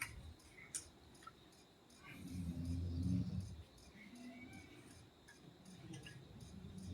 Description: Forget rain sounds or ocean waves. This is the ultimate "Aggressive Snoring.🎵 Turn your volume up to feel the vibration.